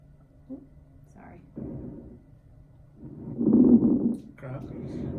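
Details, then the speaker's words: Simulated lung sounds played on a Sam simulation torso in a pulmonary assessment teaching demo: fine popping inspiratory crackles, indicating fluid in the lungs. "so what does crackles tell me flu it right so fluid on the lungs"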